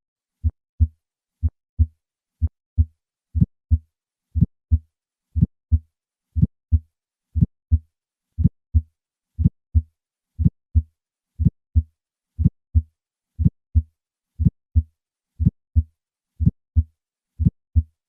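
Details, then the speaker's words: Simulated regular heartbeat at 60 a minute with a sharp high-pitched early systolic ejection click from a bicuspid aortic valve, radiating widely and not varying with respiration. "In summary, bicuspid aortic valves can produce an ejection click. This sound is high-pitched, radiates widely, and does not vary with respiration. Listen once again to a patient with a bicuspid aortic valve."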